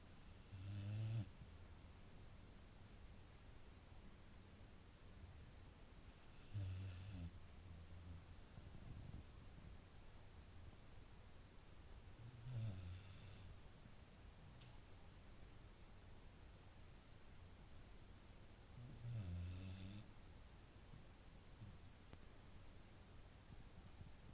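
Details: Snoring from a sleeping Beagle that snores a lot: slow, loud cycles, each a low rumble followed by a hissing snort.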